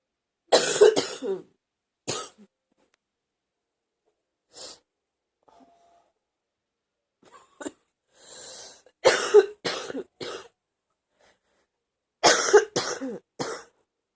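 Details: Wet productive cough in repeated bursts of loose, rattling, chesty coughing in clusters with quiet breaths between.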